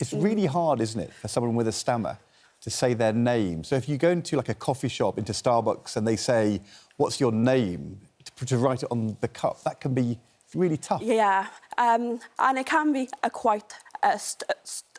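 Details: Adult man speaking; typical speech.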